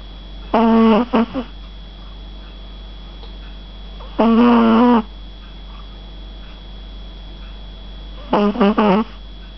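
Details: 8-week-old Shih Tzu puppy asleep on her first day home: small, squeaky, whistling snores in short bursts every few seconds over a steady background hum; snoring.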